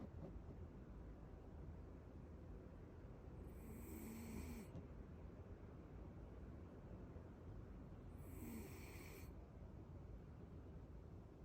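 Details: Two soft, snorting snores against a steady background hiss: light snoring during sleep while cuddling.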